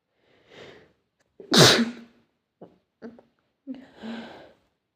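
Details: Repeated sneezing: a forceful sneeze with a voiced tail, then short catching breaths and a softer sneeze.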